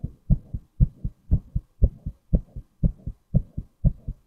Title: Male Heartbeat